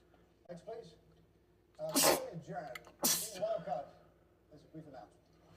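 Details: Male sneezing compilation clip: two loud sneezes about a second apart, each with a short intake before and soft voiced breaths around them, a brief sneezing bout.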